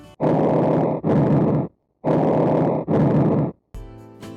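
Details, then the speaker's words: Simulated recording of normal bronchial breath sounds, as heard over the trachea, upper sternum and upper thoracic paraspinal areas: loud, high-pitched breath sounds. "Bronchial breath sounds are heard normally over the trachea, the upper sternum, and paraspinal areas of the upper thoracic vertebrae. They are often loud and high pitched."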